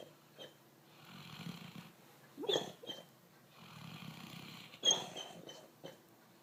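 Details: Sleeper snoring: soft, wheezy, whistling snores with snorting intakes, irregular, about 25 a minute; snoring.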